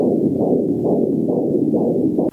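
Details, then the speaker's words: Fetal heartbeat on ultrasound at 135 beats per minute, recorded before the mother went into labor: rapid, regular whooshing pulses. "beating through an ultrasound this is beating at 135 beats per minute which is how fast my daughter's heart was beating before my wife went into labor"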